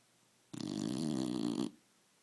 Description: Roxy the snoring dog